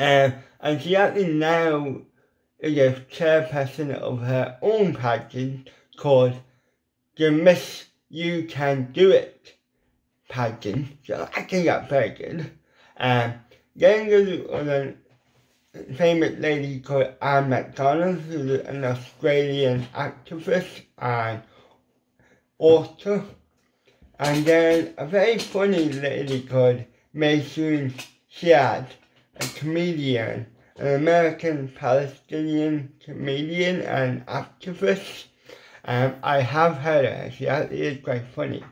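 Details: Adult man with ataxic cerebral palsy, also with involuntary hand shake and epilepsy, whose lip muscles are paralysed and weak; a lifelong speech impediment, once understood only by his mother in childhood: dysarthria (cerebral palsy)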